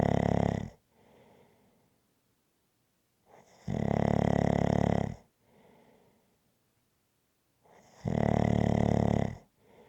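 Loud, regular rattling snores on each in-breath, about one every four seconds, with quiet out-breaths between: snoring.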